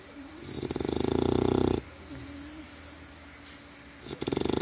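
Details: Sleeping bulldog puppy snoring: fluttering, rattling snores with a softer whistling breath between the louder snores.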